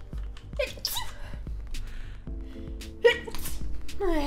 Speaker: guys that is the sound she makes when she sneezes chat